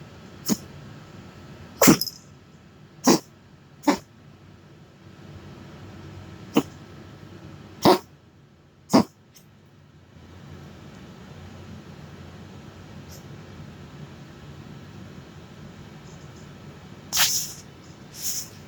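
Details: Several sharp, separate cough bursts from a dog over about nine seconds, then a quieter stretch and a final pair of coughs; a coughing dog.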